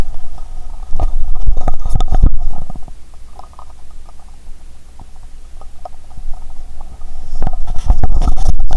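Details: Stethoscope on own abdomen while hungry, pressed firmly, though lighter pressure is said to sound better; stomach sounds heard even near the heart; loud low gurgling and rumbling in bursts with quieter stretches: active bowel sounds (borborygmi).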